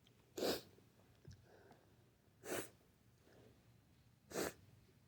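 Three forceful sneezes in quick succession, about two seconds apart, with faint breaths between.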